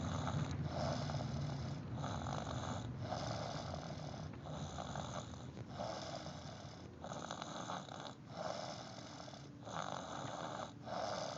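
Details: Repeated rough, rattling breathing sounds in quick succession with a steady low rumble underneath; snoring during sleep.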